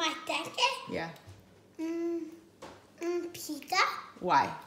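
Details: Stuttering in a child speaking in conversation.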